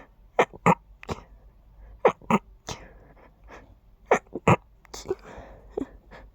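A run of short, sharp, muffled bursts in quick pairs, heard as quiet stifled sneezes.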